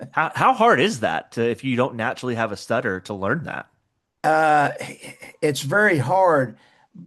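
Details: Adult speakers in conversation; typical speech.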